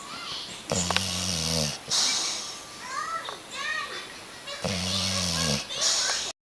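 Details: Sleeping subject snoring with eyes open: two loud, buzzing inhaled snores about four seconds apart, with faint squeaky sounds between; snoring.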